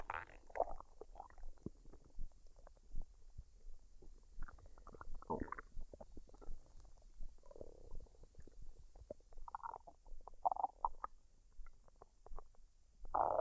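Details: Woman's stomach digesting fried rice and duck after dinner, unedited and with no artificial sounds added: quiet, scattered gurgles and squelching bowel noises with occasional louder bubbling runs; ordinary borborygmi.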